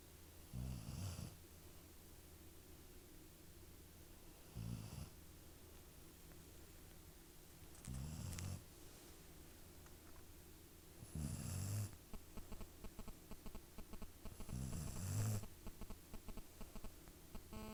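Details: Soft, low snuffling snores at irregular intervals, about five in 18 seconds, over a steady background hum: a sleeping pet snoring.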